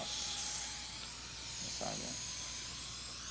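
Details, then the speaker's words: DiaDent suction mirror attached to a saliva ejector during dental work: steady airy hiss with a faint tone, softer and weaker draw than stronger suction but still working; dental suction running. "here's a diod dent mirror it's attached to the SL rejector you you can hear the difference in the suction it's not as"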